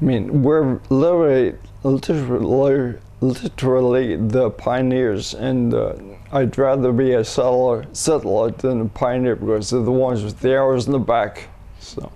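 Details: 67-year-old man diagnosed with cerebellar ataxia, later rediagnosed as multiple system atrophy; progressively worsening speech, hard to understand, especially when fatigued; ataxic dysarthria.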